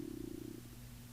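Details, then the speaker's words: Adult, super hungry after shoveling snow, has a brief low, fluttering stomach rumble fading into a quieter drone; ordinary hunger-related stomach growling (borborygmi). "can you hear my stomach growling? [laughter] My stomach is growling. Um, I was out shoveling snow and now I'm like super hungry."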